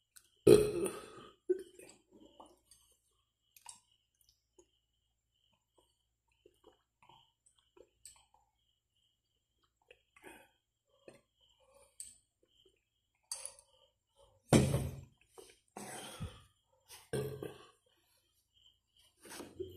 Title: ASMR BURPING EATING